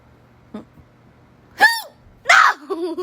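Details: Hiccups.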